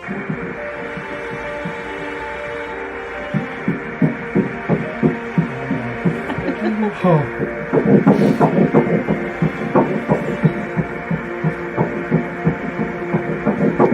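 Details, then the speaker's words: Singleton fetal heartbeat on ultrasound, about twice adult rate: fast, regular whooshing pulses at roughly 170 to 180 a minute over a steady hum; strong heartbeat, normal for this stage. "Maybe about twice as fast as adults. That's a perfect, nice strong heartbeat for this stage."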